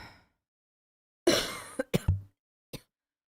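One harsh cough followed by a few short throat-clearing bursts, from an adult who is unwell.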